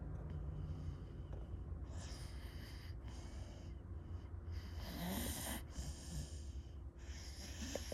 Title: Snoring sounds